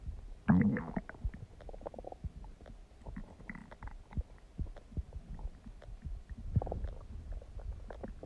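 Irregular low gurgles, pops and bubbling rumbles from the abdomen, typical stomach and bowel sounds.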